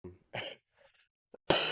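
A few short, harsh coughs with brief pauses between them, the last one loudest; an adult's cough during an illness.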